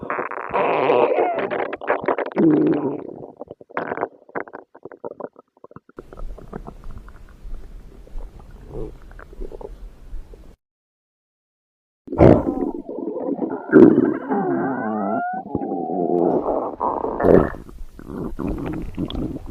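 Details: Long gurgling and rumbling bowel sounds with a brief silent gap, from a female; free-to-use stomach growling sound effect (borborygmi).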